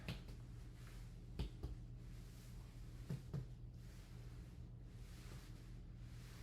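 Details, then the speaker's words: Paired hollow taps from chest percussion giving a resonant note throughout, normal for air-filled lungs; resonant percussion note. "So, your chest upon percussion is pretty resonant throughout. That's pretty normal because you're full of air."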